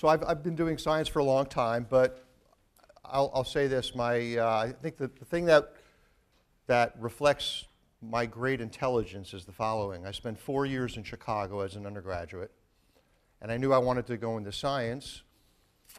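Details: Adult man who says his stutter can be heard a little in his speech; stuttering.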